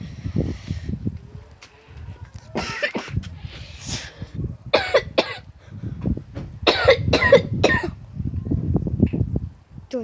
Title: A cough video